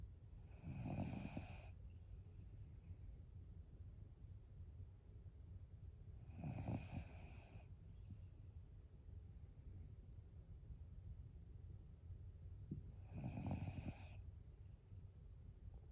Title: Snoring pup